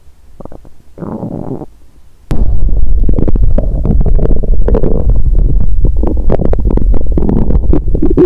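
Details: Self-recorded abdomen via microphone after fasting, with pre-period stomach pain; short quieter bursts then loud, long rumbling gurgles with rapid bubbling, noticed as loud growling; hunger bowel sounds from an empty stomach.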